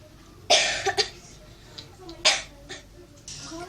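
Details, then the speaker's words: A child acts out an "ordinary" cough, the first in a series of acted cough types, with a few short, noisy cough bursts over faint room noise. "membahas tipe-tipe batuk. 1. Biasa."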